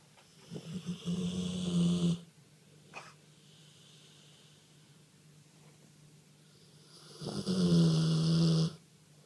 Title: Dog dreaming & snoring funny